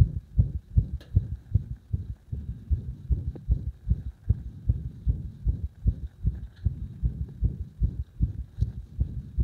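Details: Rapid, muffled heart thumps with uneven spacing and loudness in places; arrhythmia induced by gradually increasing pressure on the heart.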